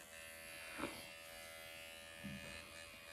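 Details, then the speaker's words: Automated microneedling pen used in self-treatment of the nose at 1 mm needle depth, avoiding the bony bridge, with straight lines and small circles; painless, with redness. Steady high-pitched electric buzz with faint handling sounds. "I'm gonna take it down to 1 millimeter on the nose. I don't go on the bridge because that's just bone, is just uncomfortable, but I will go right here."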